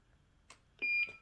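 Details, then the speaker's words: Hospital patient less than 24 hours after large bowel removal surgery for bowel cancer; a soft click, then a single high-pitched beep from an IV infusion pump alarm; she is unsure why, possibly a blocked line. "I'm not sure why that's beeping. I don't know if I made the things blocked."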